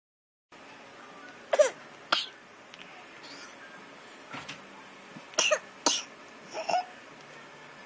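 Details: Young child's cough recorded 7-31-2012: about five short, sharp, dry-sounding coughs, mostly in pairs, over a quiet room background.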